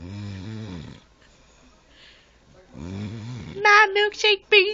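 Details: Two deep, vibrating snores from a sleeping mother with a quiet pause between, then louder voices in the room; snoring.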